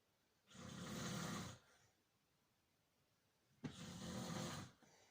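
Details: Person snoring: two loud, harsh inspiratory snores about a second each, separated by quiet pauses; typical snoring.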